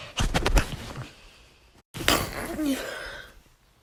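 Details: Woman sneezing: two forceful explosive bursts with a short pause between, repeated sneezes.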